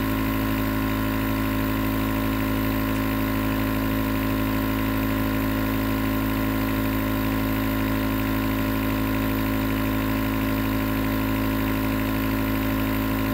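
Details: Nebulizer compressor running as white noise for sleep: steady mechanical hum with buzzing drone and no breaks; nebulizer running.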